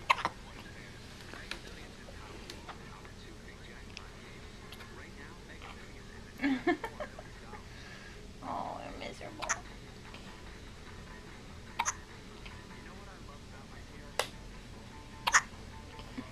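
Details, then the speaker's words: Infant's first hiccups: about eight sharp, brief catches spaced a few seconds apart with a soft fuss, in a quiet room; baby is wearing an oversized shirt. "Oh no. Your shirt's too big and you have hiccups."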